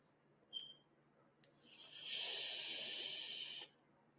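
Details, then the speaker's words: Snoring from a dog: a single long, hissing, slightly whistling breath. "so did y'all hear that snoring that is my dog that is not me snoring"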